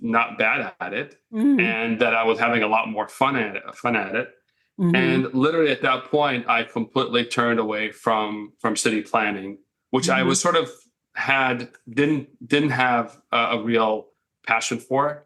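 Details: Adult man who has stuttered since childhood; he says it mostly faded over time but can still be heard a little; mild residual stuttering.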